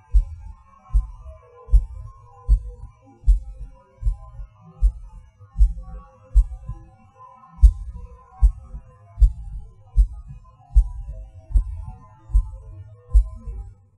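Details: Person's own self-recorded heartbeat; pauses and hard beats felt as a sudden rush or falling. Low thumps about 77 a minute, uneven rhythm with early beats and pauses: irregular heartbeat with premature beats (PVCs/PACs).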